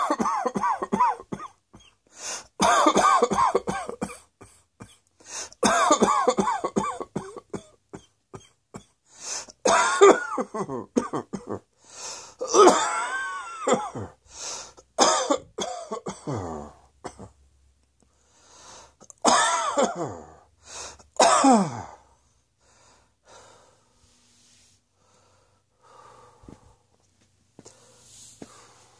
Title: Cross Dressing Coughing 84